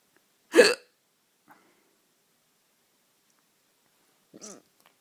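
Two abrupt, sharp hiccup sounds about four seconds apart in a quiet room, each a brief involuntary catch of breath.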